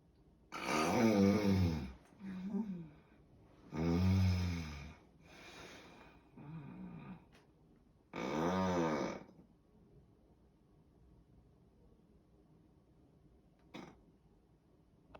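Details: Loud, deep, rattling snores in irregular bursts with softer ones between, then quiet breathing, from a sleeping roommate; snoring.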